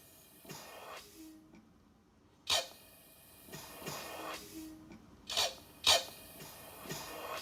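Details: Eurus emergency resuscitator, a blood-pressure-cuff-actuated manual resuscitator ventilator for COVID-19 shortages, in timed (not pressure-control) mode: recurring hiss and puff with sharp releases, about 18 cycles a minute, asynchronous with patient breaths at 5 cmH2O.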